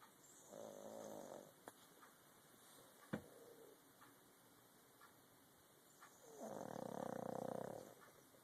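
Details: Pug dog snoring: two long, buzzing snores from a small dog, separated by a quiet pause, with faint background noise.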